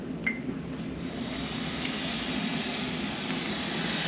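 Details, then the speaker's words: AIRVO 3 high-flow nasal cannula demonstration setup by a respiratory therapist, running at 37°C, flow 40, oxygen 21%: a soft, steady rushing of gas through the circuit over a low hum. "you hear the oxygen going through and the flow"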